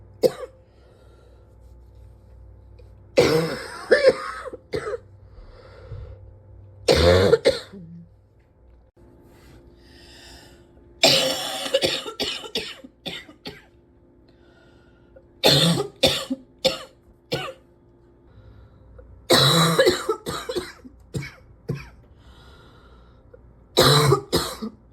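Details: Adult coughing in repeated bouts, about six clusters of several coughs each, with quiet pauses between, unable to stop coughing.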